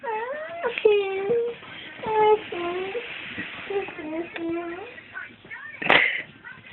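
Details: A young girl fusses and whines repeatedly with high-pitched crying in a small room, then gives a brief sharp burst.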